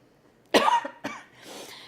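Two short, harsh coughs from an adult with asthma and an upper respiratory infection, the first louder and voiced, in a quiet room.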